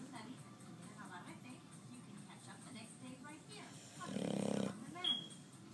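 Soft, rough rumbling breaths with one louder snorting snore near the end, heard over faint background noise; snoring.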